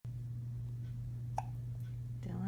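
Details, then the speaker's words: Infant's first hiccups, with a brother who also got hiccups often: a single short, abrupt hiccup over a steady low hum, then a soft infant vocal sound. "the hiccups for the first time. Just like his brother Connor, who got the hiccups all the time."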